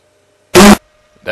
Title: Hyper-based burping